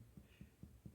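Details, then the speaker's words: Finger percussion over the upper front chest at the second intercostal space, midclavicular line, during a physical exam demonstration: four quick, low, hollow taps giving a resonant note, the normal sound over air-filled lung, unlike abdominal tympany. "escucha un sonido sonoro muy diferente a lo que es el abdomen aquí en tórax el sonido que se escucha cuando una cavidad está de aire o líquido es sonoridad"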